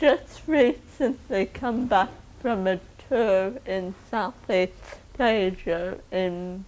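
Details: Woman with cerebral palsy caused by 28 minutes of oxygen starvation at birth, whom doctors said would never talk; dysarthric speech in cerebral palsy.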